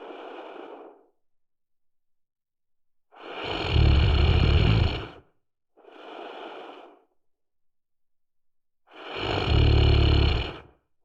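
Loud, rough, low-pitched snores on inhaling, alternating with softer breathy exhalations, about one breath cycle every six seconds; ordinary snoring.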